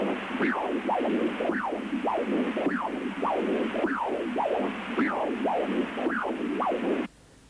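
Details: Pulsed Doppler echocardiography with the sample volume at the mitral leaflet tips and a low wall filter: rhythmic whooshing with paired E and A filling pulses each beat, about 55 per minute, A velocity 0.4 m/s; normal mitral inflow.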